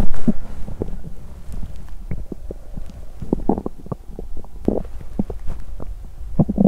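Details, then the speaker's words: Loud, irregular gurgles and rumbles from the belly after exercising on an empty stomach, continuing for a while; borborygmi. "Âm thanh réo rắt của dạ dày tôi tiếp tục một lúc ♪"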